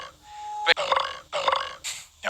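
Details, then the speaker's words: A gamer's recorded burps from a compilation: loud, drawn-out, rumbling voiced belches, two in quick succession. "all right belching is considered a sign of respect a sign of respect a sign of respect"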